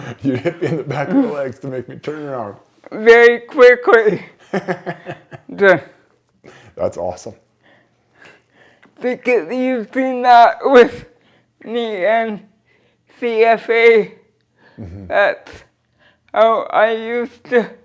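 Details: Dysarthria from cerebral palsy present since birth in a 46-year-old woman who uses a wheelchair.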